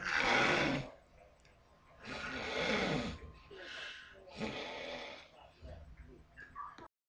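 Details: Loud, harsh, rumbling snoring breaths recurring every couple of seconds, some louder than others; a woman sleeping, described as extreme championship snoring.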